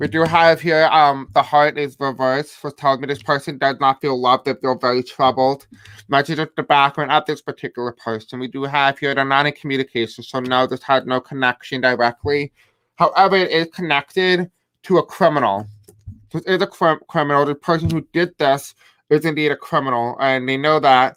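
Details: Adult male with self-described deaf accent, who says he may have a hard time pronouncing certain words, live-streaming; deaf speech.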